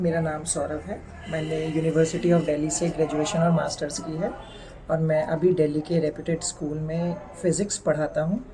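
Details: Adult man; typical speech.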